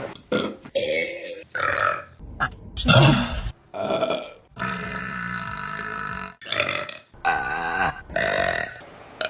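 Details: A series of loud, drawn-out belches of varying length from women in a compilation clip, separated by short pauses; burping.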